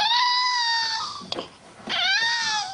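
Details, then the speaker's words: 7-year-old girl with cri du chat syndrome, a chromosomal anomaly detected hours after birth, with hypotonia and swallowing and sucking problems: very high-pitched, thin, plaintive mewing cry, the typical cat-like cri du chat cry. "Des pleurs aigues plaintifs, c'est le premier signe de la maladie du cré du chat. C'est vrai que tout de suite en fait on s'est dit il y a quelque chose qui va pas par rapport à ce cri."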